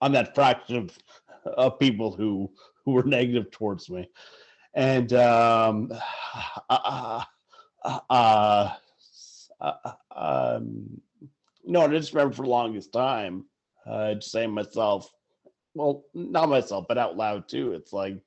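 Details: Adult man who stutters; stuttering.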